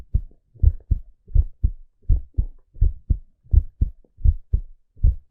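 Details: Steady, low paired thumps at about 85 beats per minute, a normal regular male heartbeat.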